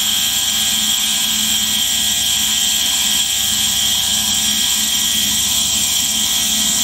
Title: ASMR Nebulizer Sound 4K 1 hour